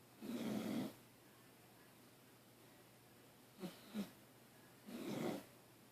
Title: Dog Snoring